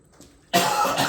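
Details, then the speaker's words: A single harsh, abrupt cough burst from an adult man after near silence, during an illness; a real cough following an earlier hacking cough. "For those of y'all that have been keeping up, that little hacking cough I had, we finally got rid of it. Then I got sick, and I've got a real cough now."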